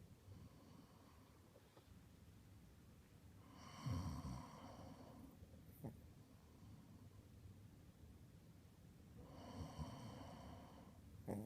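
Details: Sleeping person and Pomeranian dog snoring in turn, dog snoring after owner: two slow, rumbling inhaled snores each followed by a brief, sharp snort over quiet room hiss.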